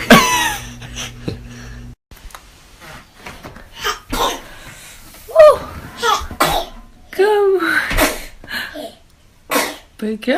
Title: Try Not To Laugh : Cutest Babies Sneezing | Funny Babies Compilation